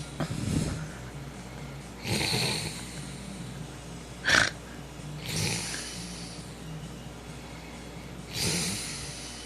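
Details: Snoring during sleep after drinking beer: rough, vibrating snores about every three seconds over a steady background hum.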